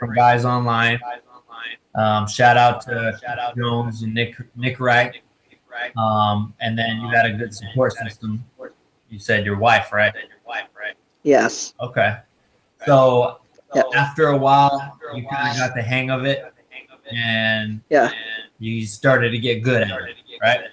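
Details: Adult male host in conversation; typical speech.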